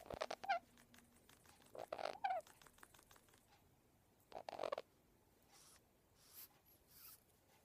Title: Pionus wheeze!!